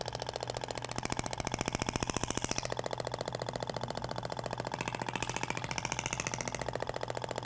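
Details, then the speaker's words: THORK radial shock wave applicator with a stainless steel projectile firing across the abdomen in a second direction, avoiding the umbilical scar; it sounds different from polyacetal. A fast, steady train of sharp clicking pulses, about 214 a minute. "agora vai pro outro sentido até o barulho é diferente da pompea de poliacetal pra inotes desvia da cicatriz umbilical"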